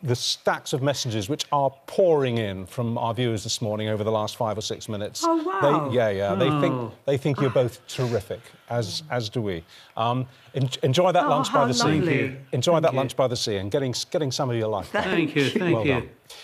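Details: Adult male presenter; typical speech.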